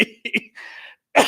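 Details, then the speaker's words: Adult whose asthma is bothering him: a few sharp, explosive, sneeze-like cough bursts. "so that was my cough I have a cough that sounds like a sneeze but thank you for saying bless you anyway"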